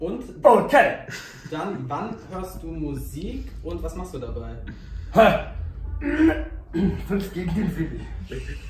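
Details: Adult interviewer; normal speech.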